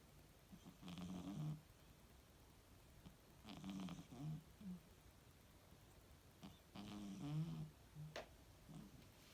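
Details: Two-year-old female British Shorthair cat snoring during a catnap.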